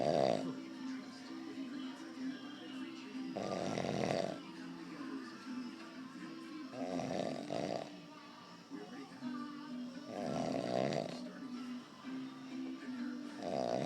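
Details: Sleeping man snoring: loud rasping snores about every 3 seconds, roughly 18 a minute, over background music.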